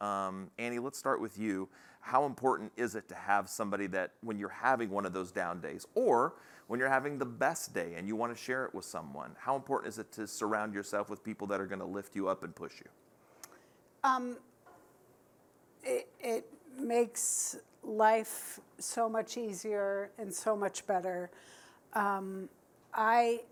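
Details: Man living with ALS who says his speech isn't great. Dysarthria (ALS).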